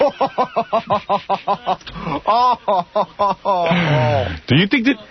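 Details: Stuttering, a series of recorded unaltered stutters with repeated phrases.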